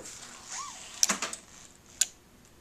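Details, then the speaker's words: LIFEPAK 9 defibrillator preventive maintenance: paddles charged to 10 joules and discharged onto analyzer pads, a sharp crack with quick clicks then another snap over faint room hiss; analyzer reads about 10 joules. "we'll place them on the pads here and then we'll discharge and see what we read here"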